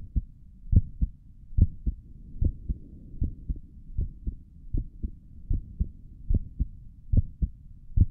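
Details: Normal heart sounds recorded through a stethoscope on own chest for ASMR, stomach gurgles noted elsewhere in the recording: steady paired low lub-dub thumps, about 72 beats a minute, regular rhythm.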